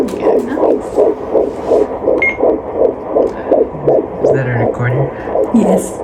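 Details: Doppler at a 12-week first prenatal OB check: rapid, regular whooshing pulses at about 160 a minute; a normal strong fetal heartbeat.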